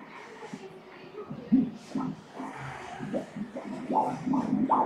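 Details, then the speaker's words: Umbilical cord pulse on prenatal ultrasound Doppler during a gender-reveal scan, when the mother cannot yet feel fetal movement: pulsing whooshes about 140 a minute, a normal fetal cord pulse. "Vi kan se navlestrengen, læg mærke til pulsen gennem navlestrengen Se der..."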